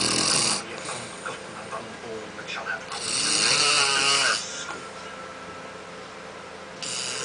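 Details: Husband snoring while asleep; his wife says he has snored for 10 years, worse at night, though he denies it: harsh, rattling inhaled snores separated by quieter breathing, with faint room noise.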